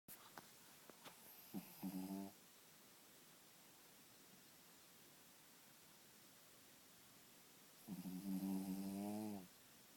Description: My crazy dog snoring loud in the morning lol!!!